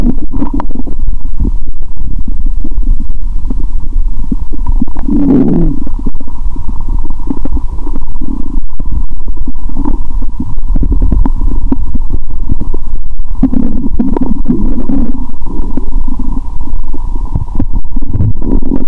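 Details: After eating many Mentos with cola, stethoscope on abdomen, belly feeling swollen: continuous low gurgling and rumbling with steady hum behind; active bowel sounds.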